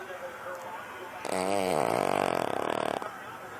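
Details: Spaniel snoring: a buzzing, fluttering snore that starts abruptly and carries a rapid rattle before stopping.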